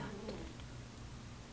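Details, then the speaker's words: A resting cat snoring gently in a quiet room: a soft, low, rumbling breath noise. "my cat snoring you hear it this is beautiful cycle completion"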